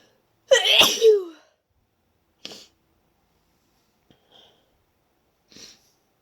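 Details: Deliberately induced wet sneeze, itchy and tickly after a long break from inducing: one loud, wet sneeze with a voiced burst, then a few faint sniffs and breaths in a quiet room.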